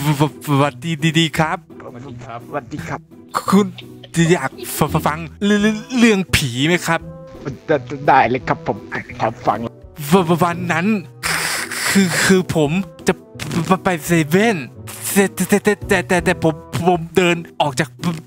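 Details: Imitated stuttering: a player deliberately fakes a stutter as a prank while chatting in VRChat; this is not a real disorder.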